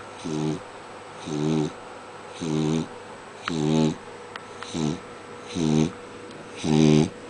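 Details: Regular rattling, vibrating breaths at about 7 per minute in a quiet room from a sleeping Bailey; snoring.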